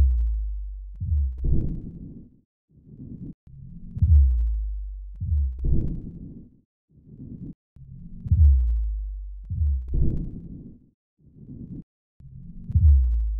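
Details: Simplified 3D-animation demonstration of mitral stenosis: low-pitched heart sounds with a rumbling murmur between beats, a mitral stenosis murmur.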